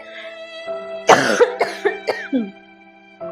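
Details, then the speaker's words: Run of about six harsh, acted coughs in quick succession from an adult woman over background music, in a Hindi comedy skit about severe coughing. "मालकिन बहुत खासी आ रही है आपको आरे राम बहुत तेज खासी आ रही है"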